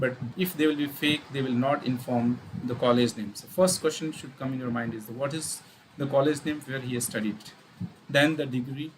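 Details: Adult male speaker; ordinary speech.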